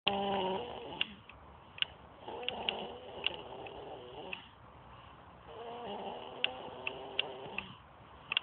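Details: Man asleep and snoring: two slow, rough breathing sounds with a quieter pause between; ordinary snoring, faint clicks in background.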